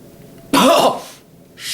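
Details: Adult man gives a single harsh, throaty cough, acted as a nervous cough in a comedy skit, fading away with another sound starting at the end.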